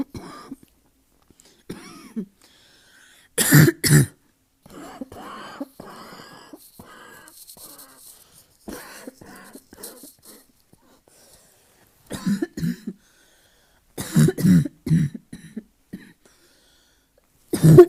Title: Asthma cough, barking cough